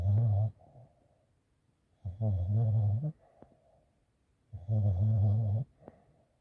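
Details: Sleeping puppy snoring: three loud, low, rattling snores about a second long, spaced by quiet pauses, roughly 20 a minute.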